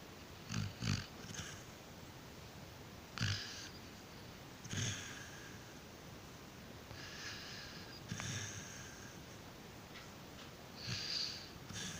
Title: Australian Sheperd is sleeping/snoring *cute*